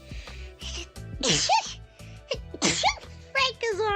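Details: Sneezes from a VTuber livestream sneeze-highlight compilation: two loud, explosive sneezes between bits of speech, with background music.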